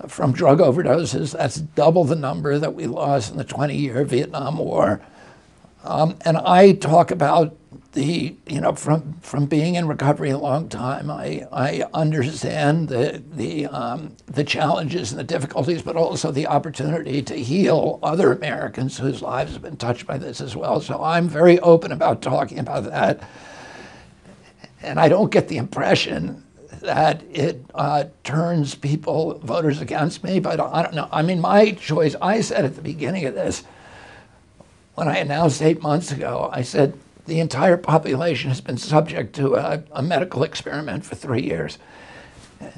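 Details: Adult male with spasmodic dysphonia, which he says began at age 42 in 1996 after a neurological injury. He attributes it to his brain sending wrong signals to his vocal cords, not to the cords themselves. Real interview speech.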